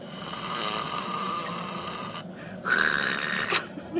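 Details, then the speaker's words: A person snoring "like a bear": loud, rough, rattling breaths, one long drawn-out noisy sound and then a harsher, louder one. Snoring. "can snore like a bear."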